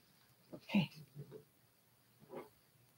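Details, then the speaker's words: Sleeping dog gives short, snorting snore noises in a quiet room during a craft session; normal snoring. "I'm getting my dog snoring in the background"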